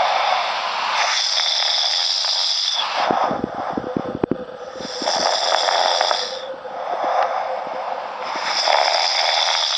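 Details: Snoring during sleep: loud, rasping snores on each breath, roughly every three and a half seconds, with a rattling flutter between them.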